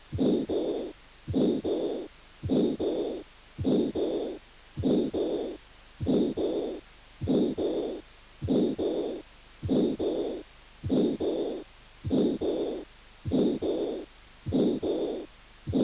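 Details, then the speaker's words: Pericarditis: scratchy, grating heart sounds at about 50 a minute, a friction rub with presystolic, protosystolic and protodiastolic components. "mí y pericarditis con componentes de roce pre histórico proto histórico y proto diastólico"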